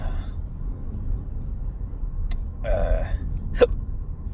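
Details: Intractable hiccups since a December 2015 surgery, with esophageal tightening and choking spasms, recorded while driving: a short belch and sharp hiccup-like catches over steady road noise.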